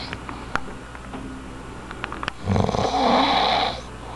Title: cute snoring